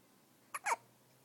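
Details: Baby hiccup: a single brief, sharp catch of breath with a short voiced release in a quiet room; the baby also had hiccups in the womb.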